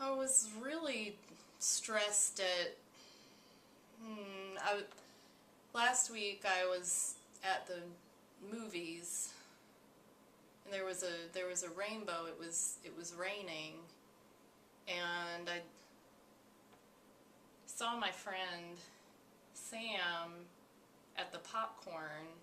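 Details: Female client who appears anxious, with disconnected, unintelligible speech, flight of ideas and no connection between ideas; disorganized speech.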